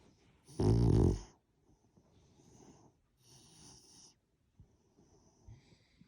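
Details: A sleeping French bulldog gives one loud rattling snore followed by quieter snoring breaths. Snoring.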